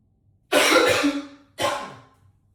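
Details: Two heavy, forceful, harsh coughs echoing in a small bathroom.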